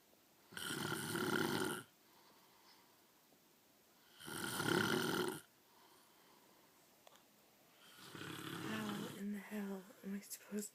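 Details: Adult man ("daddy") snoring in his sleep: loud, rattling snores on each breath in, about every 3.5 seconds, each ending in a brief voiced sound.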